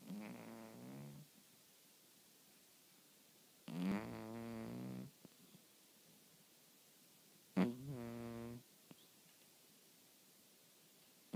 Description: My cat snores.... LOUDLY.